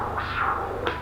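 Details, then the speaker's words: Femoral artery stenosis on leg arterial Doppler ultrasound, with plaque narrowing and persistent aliasing: loud, high-pitched whoosh of fast jet flow, peak velocity about 280 versus 44 before the stenosis. "Y vemos como la luz no rellena de pared a pared, hay un estrechamiento y además parece haber aliasing. Vamos a subir la escala y vemos que el aliasing persiste."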